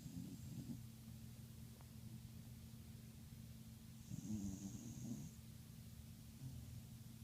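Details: Low, rumbling breaths with a steady snoring rattle and soft snorts from a sleeping dog; ordinary snoring.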